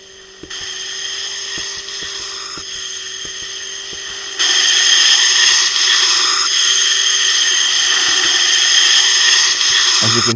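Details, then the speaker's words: Simulated wall suction on a tablet-based digital Neonatal Resuscitation Program (NRP) training instrument panel: steady hiss growing louder as suction power is raised, faint clicks and hum underneath. "you can push up or down on the suction power I'm going to go ahead and do that and you'll hear the hissing and the increase in the hissing"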